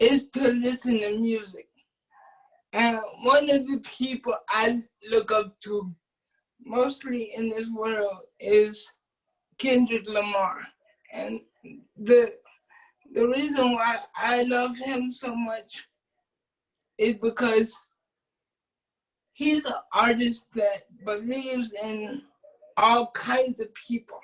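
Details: Adult man with cerebral palsy who uses a wheelchair, whose family was told by doctors at birth that he would not be able to speak; speech in cerebral palsy.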